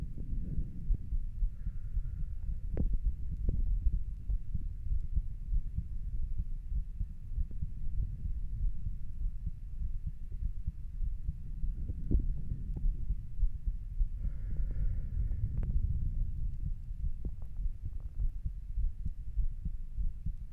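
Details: Normal heart sounds recorded while lying down: low, muffled resting heartbeat thumps under a steady rumble.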